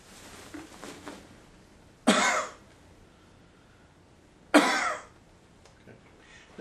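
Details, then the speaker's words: Simulated teaching demo: after incentive spirometry, patient (Mr.) coughs forcefully twice, seconds apart, to move secretions up and out of the lungs; acted post-operative cough after slow breaths. "the coughing should be done at the end as well so that you can move the secretions up and out of your lungs"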